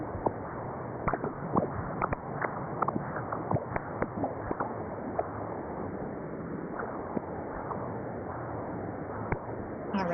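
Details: Transcranial Doppler bubble study: whooshing pulsatile cerebral flow with many sharp brief chirps and clicks (microembolic signals, HITS) showing a right-to-left shunt; the finding led to a TEE in this patient.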